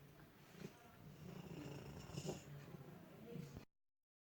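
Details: Sleeping shelter cat: low rumbling purr blended with soft snoring on each breath; purring and snoring at the same time.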